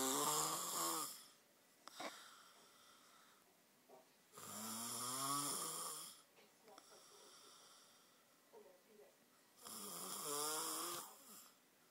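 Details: Child (boy) snoring continuously for two hours: loud, harsh, rattling snores on each inhalation, about 12 breaths a minute, with quiet exhalation between; heavy snoring.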